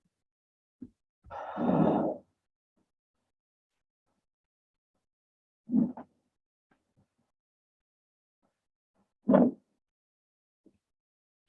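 Soft, low-pitched rustling breaths separated by quiet pauses; normal vesicular breath sounds.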